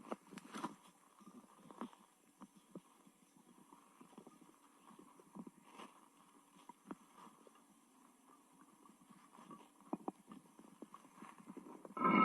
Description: I ate a lot of food, and now my stomach hurts and the sounds won’t stop.